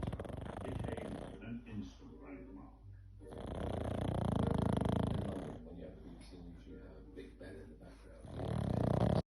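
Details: Black pug snoring for 42 seconds: deep, rumbling, fluttering snores in long drawn breaths while asleep. Snoring.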